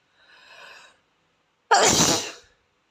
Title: Asian boy sneezes until his nose runs 👃💦